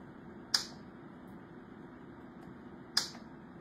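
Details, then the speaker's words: Transcranial magnetic stimulation coil pulses, self-demonstrated with the coil over the motor cortex area that controls the hand, making the hand move: two sharp, loud clicks about 2.5 seconds apart over quiet room noise. "So, when I put the coil over the spot on the brain that talks to my hand, you'll see that it can make my hand move."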